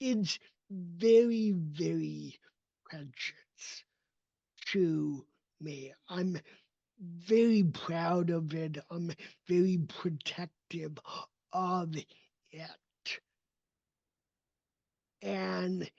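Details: Adult male with cerebral palsy, a neurodevelopmental disability; speech did not emerge until age seven after extensive speech therapy and requires constant ongoing training; real, not acted; dysarthria (cerebral palsy).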